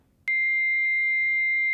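A sudden steady high-pitched tone from a defibrillator trainer during rhythm analysis, before a shock is advised.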